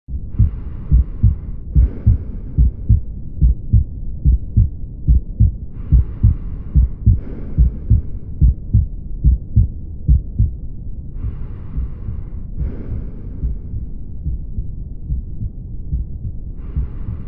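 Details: Mitral regurgitation: regular heartbeat about 72 a minute with a low pansystolic murmur filling systole, best heard with the stethoscope diaphragm at the cardiac apex, may radiate to the axilla, not to the carotids.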